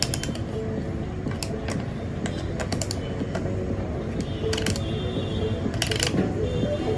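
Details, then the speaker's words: Irregular clicking of a hand ratchet slowly driving a dental bone expander into a dummy mandible (training model, not real bone) to expand the alveolar ridge for an implant, with faint background music. "Slowly, if you can see, my expander is going inside."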